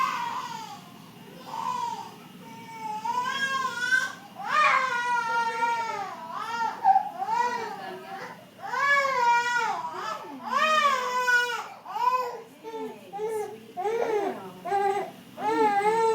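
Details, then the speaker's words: Infant crying in repeated rising and falling bursts with short breaths between, in a small room; heard in the background of an interview, shortly after she gave a happy scream. "Like I just heard her like happy scream and then now I hear her crying."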